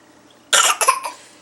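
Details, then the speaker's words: 8-month-old infant boy with a bad cough, family considering a doctor visit: a short run of about three harsh coughs. "yeah that's a bad cough oh okay let's go the doctor you want to go to the doctor friends okay let's go to the doctor it's a bad cough"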